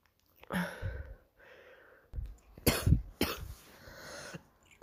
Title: coughing girl barking cough